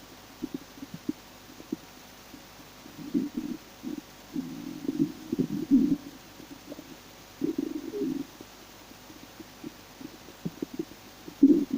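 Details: Soft, irregular low gurgles and rumbles in short runs in quiet surroundings, from a person who says they are starving; normal hunger stomach growling (borborygmi).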